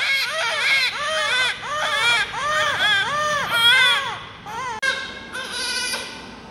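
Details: Newborn cry, one of twins born to the same mother: rhythmic, high-pitched rising and falling cries in short repeated bursts; a normal vigorous cry.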